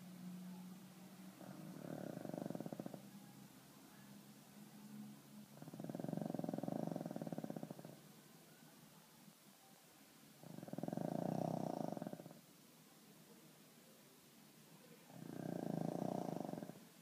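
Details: Sleeping pug snoring: slow, rhythmic rattling snores, about four breaths over fifteen seconds, roughly 14 a minute.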